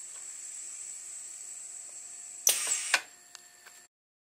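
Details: Proof-of-concept prototype ventilator: rubber ram driven by an air cylinder compresses a standard 1500 ml manual resuscitator bag, delivering air or oxygen at adjustable flow; steady hiss and hum, sharp mechanical clunks and ratchet-like release as ram cycles.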